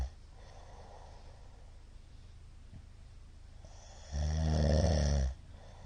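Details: Middle-aged man's (ojisan) snoring during sleep: several seconds of faint, shallow breathing, then one loud, harsh, vibrating snore; frequent shallow hypopneas suggest sleep apnea syndrome.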